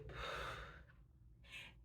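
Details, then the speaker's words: Simulated agonal breath during an adult CPR and AED refresher course. A single sudden harsh gasp is followed by a shorter one. It is a gasp rather than real breathing and is described as a sign of cardiac arrest. "there's a breath that's called an agonal breath it's more like a gasp"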